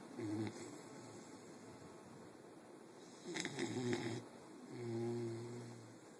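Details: Snoring: three rattling, buzzing snores with quiet gaps between them.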